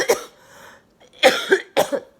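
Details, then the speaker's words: Three harsh, wet coughs in quick succession; productive cough in cystic fibrosis during week 1 of Trikafta, bringing up large amounts of dark thick green mucus over 24 hours, with chest tightness and recent oxygen need. "now imagine over half of that being filled up with mucus dark thick green mucus that's pretty much what I've been bringing up for the past 24 hours"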